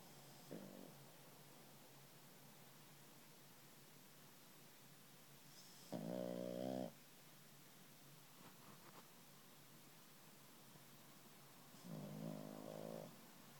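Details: Sleeping French bulldog–Boston terrier puppy snoring lightly: three soft, buzzing snores about six seconds apart, roughly ten breaths a minute, over quiet room noise.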